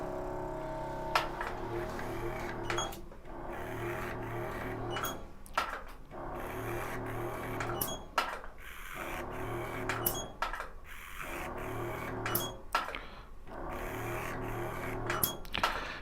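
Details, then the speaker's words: Repeated sharp clicks of a DermaShine Pro digital micro-needle injector with 9-pin multi-needle firing while injecting hyaluronic acid into a 27-year-old woman's face, over a steady low hum and faint music; live training demonstration. "so you need to get into the Rhythm and put the 9p multi needles on her face and press the full switch one 2 one"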